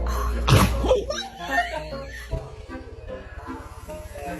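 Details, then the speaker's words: Giant Mastiff dog sneezes once, sharply and explosively, after lying upside down for a long time, with background music. "you're going to sneeze cuz that's what happens when you go upside down for too long"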